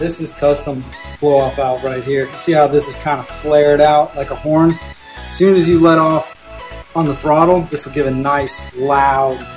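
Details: Adult male speaker; Normal speech.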